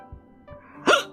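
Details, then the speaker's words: A single abrupt, voiced hiccup from a streamer during a live game-reaction stream, one of repeated hiccups, with faint music behind. "these hiccups going crazy bro I sound so stupid in custody who's next"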